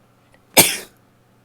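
A single sharp, hissing burst of air, rising fast and trailing off, as in a sneeze.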